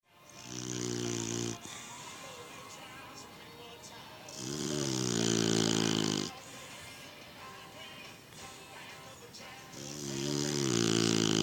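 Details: Loud, rattling snores with a buzzy low tone on each breath, about three in eleven seconds, with music playing throughout; snoring.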